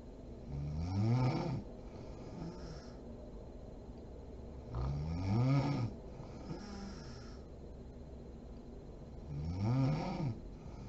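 Three low, rattling snores on inhalation, about 14 a minute, with quiet exhalations between: ordinary snoring during sleep.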